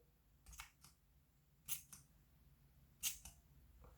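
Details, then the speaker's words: Saline nasal spray pump used in an adult's nostril during nasal rinsing: three faint, quick hissing puffs with soft clicks as the pump is pressed repeatedly. "스프레이가 분사되는 게 들리시나요? 자, 제가 이쪽에 지금 두 번 했는데요."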